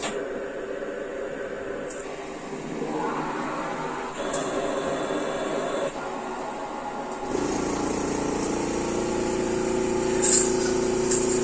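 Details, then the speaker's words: Special-needs child whose oxygen levels have been dipping, in bed, on a cough assist machine to take deeper breaths: steady alternating machine airflow pushing air in and pulling it out to simulate a cough, with background music; mechanical insufflation-exsufflation. "so i've mentioned before what the cofficist does but basically it simulates a cough in her it forces air into her lungs fills her lungs"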